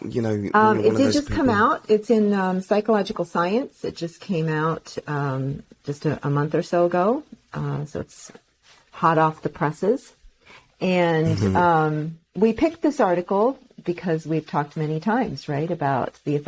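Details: Adult speaker; Normal conversational speech.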